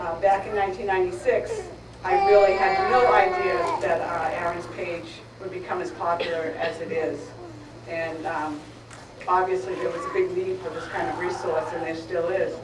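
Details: Adult woman speaking; plain speech.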